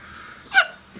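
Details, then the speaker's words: Person with hiccups who says they feel and look bad: a single sudden, short, gasp-like hiccup against quiet room noise. "Yeah. No, I got the hiccups and my brother is doing the dishes crap bitly and I look like crap like crap."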